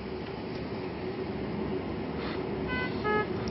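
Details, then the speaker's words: Puritan Bennett 980 ventilator in volume control plus mode: steady machine hum then a short series of electronic alarm tones, the low peak pressure alarm warning that peak pressure is falling. "we can also get a low pressure alarm decrease P peak pressure alarm and so the purpose of that alarm is so that as the software is automatically adjusting the pressures and the patient's tabs maybe improving that you're aware when the peak pressure is beginning to drop"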